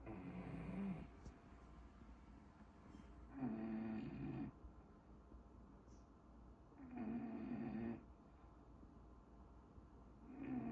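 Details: Long, rattling snores recurring about every three and a half seconds, around 18 a minute, from a sleeping bulldog in a quiet room; snoring.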